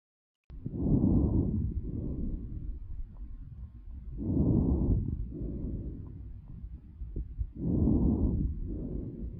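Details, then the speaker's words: Normal breath sounds in a child heard through a stethoscope during a pediatric respiratory assessment teaching demonstration: soft, even breathing with three smooth inspiration-expiration cycles. "so we're going to first listen to normal breath sounds"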